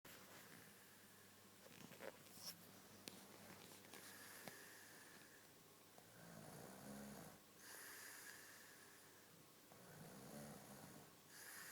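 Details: Man snoring in sleep: quiet room with soft, rough breathing sounds rising and falling about every three to four seconds, consistent with light snoring.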